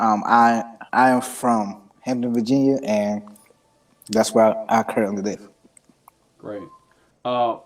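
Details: Adult man who stutters; his stutter is situational and anxiety-driven, worst when introducing himself or saying his name, with blocks, tics and eye closing; stuttering.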